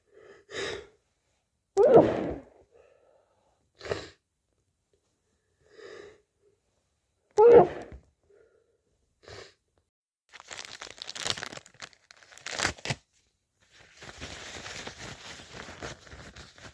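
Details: Sneezing with a cold: several wet, forceful sneezes with gasping inhalations, then nose blowing and running water.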